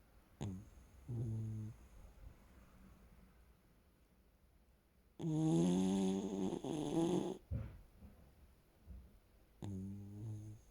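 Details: A sleeping little sausage dog gives three rumbling snores over about ten seconds, the middle one louder and longer with a whistling, honking edge. Loud snoring.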